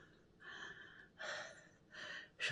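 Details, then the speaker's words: Adult with bronchiectasis, not attributed to smoking, pauses to speak because too out of breath, reporting great difficulty breathing since the disease began: breathlessness (dyspnoea). "faire une pause parce que je suis trop essouffler mes bronches depuis que j'ai la maladie de la dilatation des bronches. Depuis que j'ai cette maladie là, j'ai beaucoup de mal à respirer."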